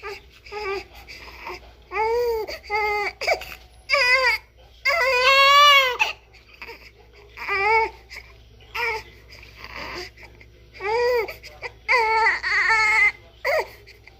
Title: Bebê chorando! Som de bebê recém nascido chorando